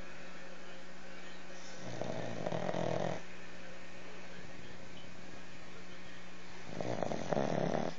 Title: Wow these pugs sure can snore!!